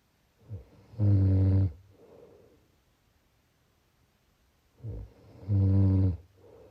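Two loud, low, rattling snores on the in-breath, about five seconds apart, each followed by a soft out-breath.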